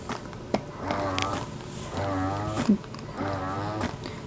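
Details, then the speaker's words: Dr. Brown's Customflow double electric breast pump running unused at vacuum level 12 (maximum) for demonstration: rising, moaning motor tone about every 1.3 seconds, with clicks as each cycle releases; sounds powerful. "level 12. that sounds pretty powerful and this pump was given to me by a friend to try for demonstration purposes so I haven't used this pump but from the sounds of it I'm not sure that this would be a comfortable suction for me"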